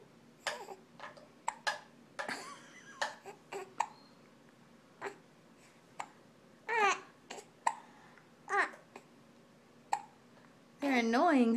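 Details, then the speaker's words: An infant's hiccups: short, sudden catches repeated about every second among soft babbling noises. "you can hold that head up you got the hiups say yeah i got the hicups"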